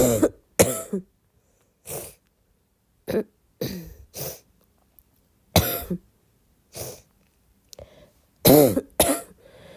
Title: more barking cough